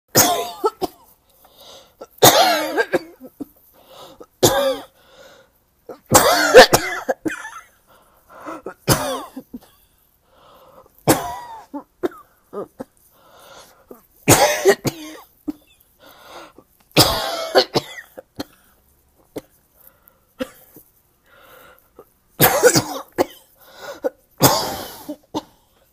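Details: An adult with a recently caught cold, sore throat, and coughing that wakes them at night gives about ten harsh, spaced coughs, some in pairs, in a short coughing spell; cough due to a common cold.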